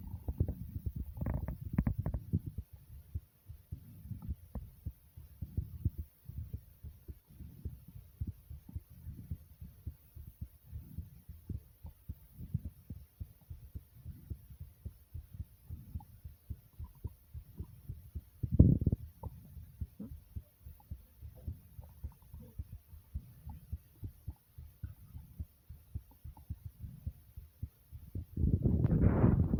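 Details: Recording of own heartbeat with stomach growling along with it: rapid, soft low thumps with occasional louder gurgling bursts of stomach growling; fast heartbeat with stomach growling.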